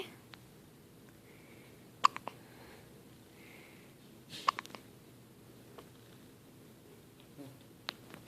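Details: Newborn baby, a few days old (4–8 days), with frequent hiccups: soft, sharp hiccup clicks spaced a few seconds apart in a quiet room.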